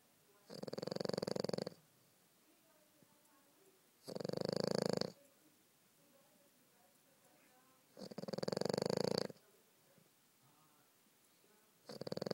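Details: French Bulldog sleeping: regular buzzing snores about every four seconds, roughly 15 breaths a minute, with quiet between. Steady snoring during sleep.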